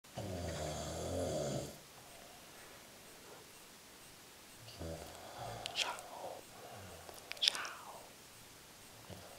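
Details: Real raw recording of a father snoring: loud, low, rattling snores in a quiet room, a long buzzing snore, a pause, then a second rougher snore with sharp snorting snaps.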